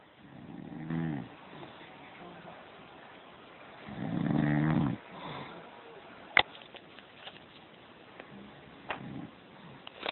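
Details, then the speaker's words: Adult man (father) asleep after dozing off watching TV: two low, rough snoring breaths about three seconds apart with quieter breathing between; ordinary snoring. "This is Dad snoring."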